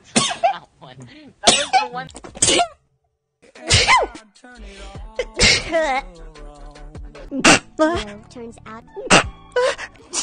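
Several loud, sharp sneeze-like bursts over music, with vocal sounds and talk-like noises between them; sneezing.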